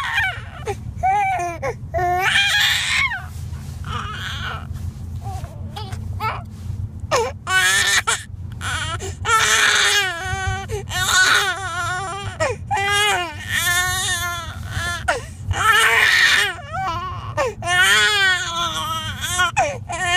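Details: Baby boy crying in repeated rising and falling wails with brief gasping pauses over a low background hum; ordinary infant crying.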